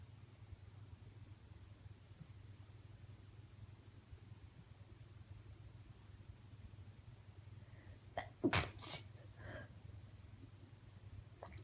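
Quiet low hum, then a brief inhale and a sharp, muffled, held-back sneeze with a smaller follow-up burst; stifled sneezing while ill.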